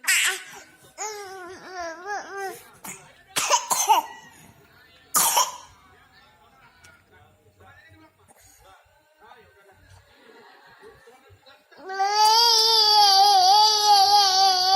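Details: 9-month-old baby babbling and laughing cheerfully with a few short coughs between; mild cough in an otherwise happy infant.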